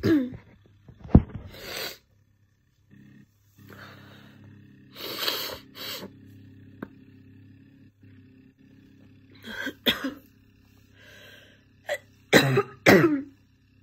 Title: Morning Chesty Barking Cough